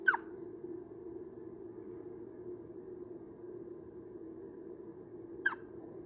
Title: 아기 딸꾹질 소리 🐥 | あかちゃんのしゃっくりの音 | Baby Hiccup Sounds